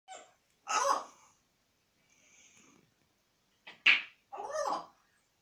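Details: Short, sharp, high-pitched bursts: repeated sneezes from an African Grey parrot; sneezing.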